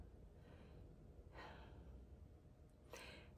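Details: Laboured breathing.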